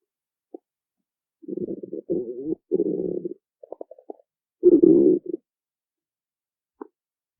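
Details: Woman's stomach growling (borborygmi), best heard on earphones: low gurgling, bubbling rumbles in several bursts with brief pops, in a quiet setting.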